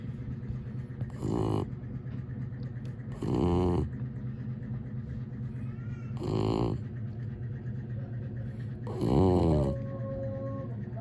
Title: Dog | Snoring Dog | Mucho